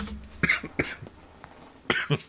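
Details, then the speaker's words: Cough: four short, sharp coughs from an adult, in two pairs, in a quiet indoor room. "Sorry for the coughing."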